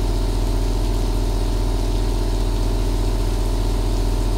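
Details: Compressor nebulizer running, mixed with rain sounds for relaxation: steady deep pulsing motor hum, about three pulses a second, with a soft watery hiss like rain behind it.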